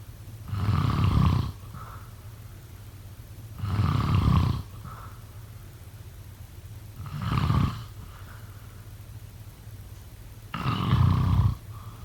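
Four steady deep snores about three seconds apart, roughly 20 breaths a minute, with a low hum in the background. Regular snoring.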